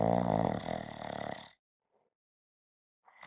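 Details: Snoring: one long, deep, buzzing snore on an in-breath, then silence.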